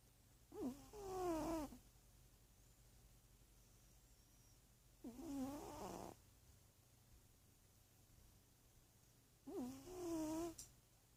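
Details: Three slow, squeaky, whistling snores, about 14 a minute, from a large sleeping pet cat; a vet said his snoring is normal, and he is healthy.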